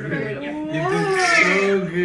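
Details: Newborn baby boy immediately after an induced delivery (mother's second labor): strong, high-pitched crying with a wavering voice in a small room; healthy first cry.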